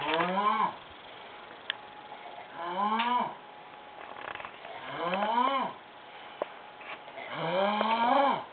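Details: Woman asleep on a futon, heavy snoring: loud, voiced, groaning snores on each breath in, about four in ten seconds, with quiet pauses between them.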